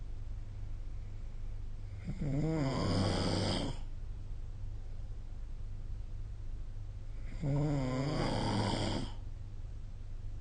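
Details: Snoring during sleep recorded with the SnoreLab phone app: two loud, buzzing snores on in-breaths about five seconds apart, over steady background hiss.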